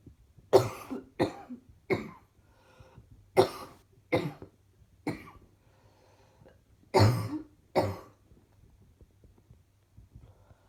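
Eight separate short, harsh coughs in about ten seconds, some in quick pairs, with quiet pauses between.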